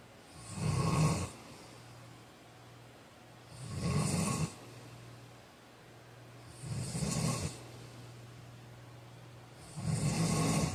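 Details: Four loud, rough snores on the in-breath, about 19 per minute, with quiet pauses between them: ordinary snoring during sleep.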